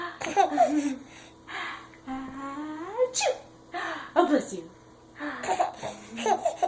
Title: Giggling at sneeze